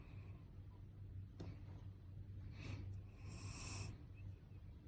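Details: Sleeping animal giving a couple of loud, noisy, breathy snorting breaths over a steady low background hum: loud snoring.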